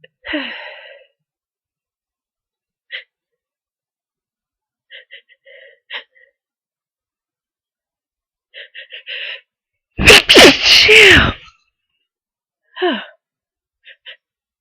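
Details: Cold sneezes near the end of a cold: long buildup of catching, gasping breaths, then a burst of several loud sneezes in quick succession.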